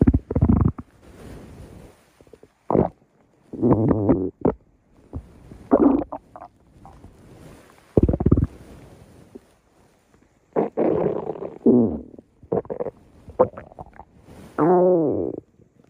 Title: stomach growl